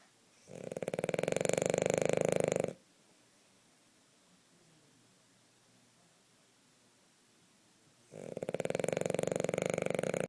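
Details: Hazel (female) snoring while napping: loud, buzzing, fluttering snores on each breath with long quiet pauses between them.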